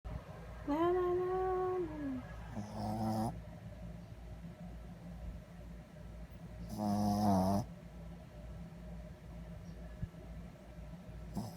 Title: Loudest dog's snore